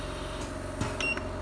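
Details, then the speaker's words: Komba Microban home oxygen concentrator running at flow speed 3, its highest of three settings: a steady, louder motor hum and airflow noise with a faint beep. "Dari sini Pak, kalau bisa lihat suaranya, ini kecepatan yang ketiga Pak. Nah, kalau 1 pelan Pak dia, tapi kandungan oksigennya tinggi."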